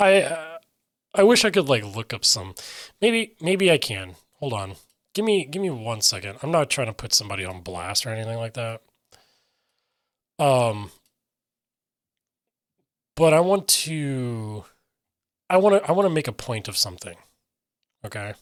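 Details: Aphasia in an adult man who reports difficulty getting words out and sometimes substituting other words.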